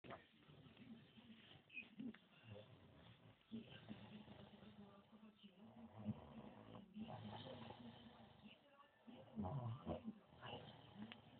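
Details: Man recorded in bed by his girlfriend while snoring heavily; irregular rough, buzzing breathing noises in a quiet room; snoring during sleep.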